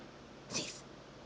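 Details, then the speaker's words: Female dog performing a trick on command: a single brief, soft snorting sneeze; a harmless play sneeze. "show me an angry sneeze show me those teeth engri oh what was that engra oh that was an angry sneeze"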